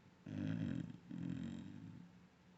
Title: puppy snoring then dreaming